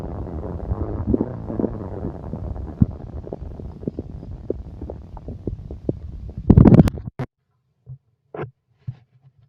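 Rumbling, gurgling bursts with bubbly pops and a louder gurgle near the end; ordinary stomach growling from gas and fluid moving.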